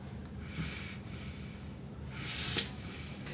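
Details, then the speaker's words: Fifty-year-old male with a tracheostomy after a hemorrhage, in a subacute-care training scenario: the tube is occluded by finger while he breathes in and out through his nose, giving upper-airway breathing with the occluded tracheostomy tube. "so I'm gonna put my finger over the tube again and we just want you to breathe in and out through your nose okay"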